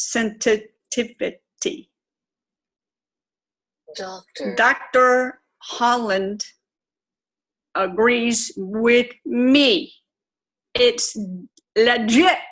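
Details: Aphasia with apraxia of speech, self-described as severe, in an adult woman twelve years after a stroke.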